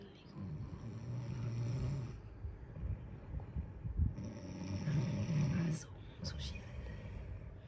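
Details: Labrador dog, tired after playing all day, snoring loudly in sleep: two low, rumbling snoring breaths with a faint sniff between them.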